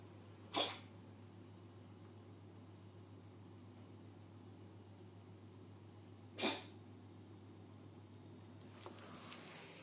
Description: My cat jess coughing like a human